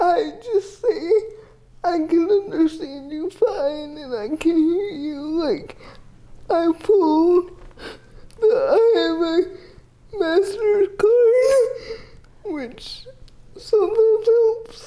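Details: 30-year-old woman with GMFCS Level 4 cerebral palsy, quadriplegia with an athetoid component, using a power wheelchair; dysarthria (athetoid cerebral palsy).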